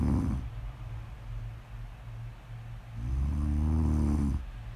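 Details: Person snoring during sleep, recorded as ASMR snore audio: a low, buzzing snore on one in-breath against soft breathing noise; snoring.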